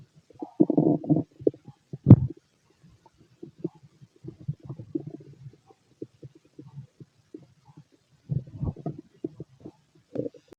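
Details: Healthy male's stomach, described as loud in person: irregular low gurgling and rumbling bursts with gaps between them; normal bowel sounds (borborygmi), stomach growling from a healthy digestive system.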